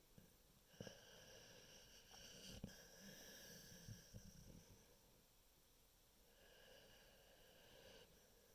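Faint snorting, whistling breaths with a few sharp snorts in a quiet room; light snoring.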